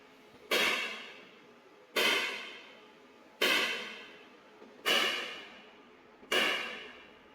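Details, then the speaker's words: Five sharp, loud cracks at about 41 a minute, each fading quickly: X-ray (C-arm) guided shock wave lithotripsy of a right kidney stone in a resting patient, shocks via water balloon and gel, stopping after 500. "500 shocks पूरे करने के बाद ये shocks automatic खत्म हो जाते आपने देखा होगा यह आवाज इसकी बंद हो गई है।"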